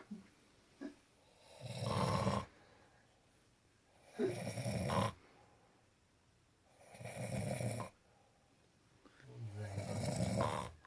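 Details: Snoring: loud, rattling snores on each in-breath, about 22 a minute, with quiet pauses between, in a small room.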